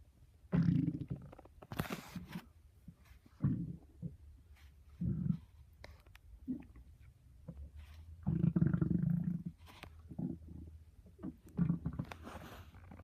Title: My stomach growling very loudly